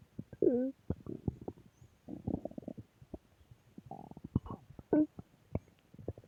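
Irregular gurgles, squeaks and rumbles from the belly, ordinary stomach growling.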